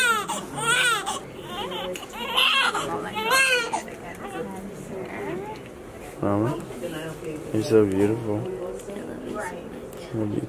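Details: Strong, repeated newborn crying with a clear voice, with adult voices in the room; a normal cry from a baby born two weeks early, weighing six pounds six ounces, just after birth.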